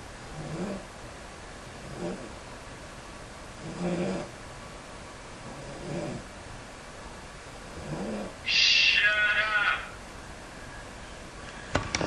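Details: Sister snoring during sleep at night, also making funny noises; snoring.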